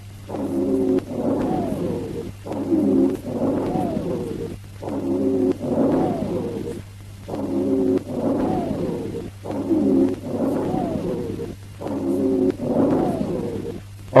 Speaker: Listen to the rhonchi in both inspiration and expiration.